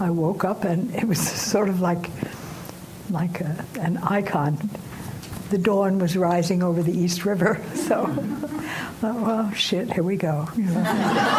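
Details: Woman aged 89, some time after a stroke that caused aphasia; post-stroke aphasia.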